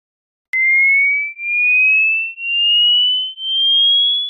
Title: How old are your ears?👂| Hearing test audio😍 | Hearing test | Dr.Aishwarya Selvaraj (தமிழ்)